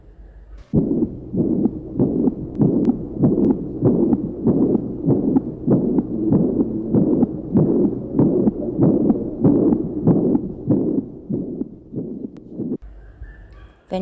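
Regular heartbeat near 97 a minute with a blowing murmur filling systole, typical of mitral regurgitation.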